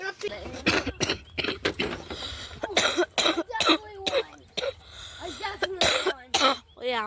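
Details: Coughs captured during casual Russian conversation, part of a cough compilation.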